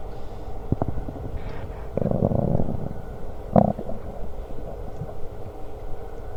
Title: Stomach Growling while eating Lunch w/ Burps